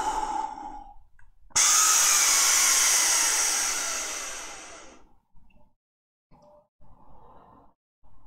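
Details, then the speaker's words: A long forceful breath out lasting about three seconds, then quiet handling sounds: emptying the lungs before inhaling from a DuoResp Spiromax inhaler, in a demonstration. "you just put this in your mouth and forcefully suck the area so but first take the air out right so"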